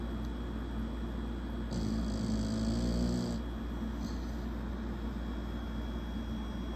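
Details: Two-year-old American Bully dog snoring in sleep: a single loud, rough, rumbling snore over a steady background hum.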